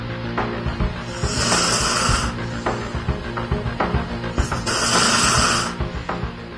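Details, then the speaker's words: Adult man sleeping without an oral appliance during a sleep test with measuring equipment attached: continuous loud snoring, waking mid-snore, with sleep apnoea pauses of about 40 seconds. "코구는 소리가 끊임없이 울려 퍼지더니 심지어 코를 골다 중간에 깨기도 합니다"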